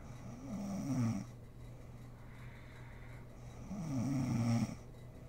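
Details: Adult woman (mother) asleep, recorded for ASMR: two soft, rumbling snores about three seconds apart, separated by quiet breathing over a steady room hum; snoring during sleep.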